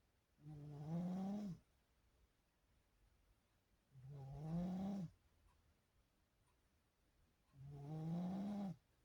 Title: Sharpshooter snoring